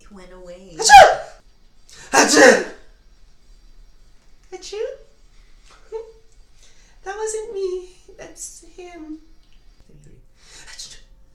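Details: Compilation of different types of sneezes: two strong explosive sneezes, then softer short vocal bursts that may be smaller or imitated sneezes; sneezing.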